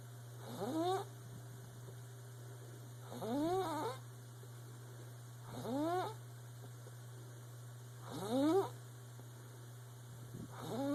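Regular squeaky, whistling snores rising in pitch, about 24 a minute, over a steady low hum.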